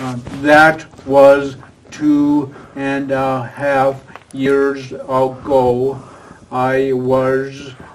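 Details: Adult with aphasia after a stroke, previously in a professional career, attending an aphasia conversation group with a speech-language pathologist; real patient speech showing aphasia.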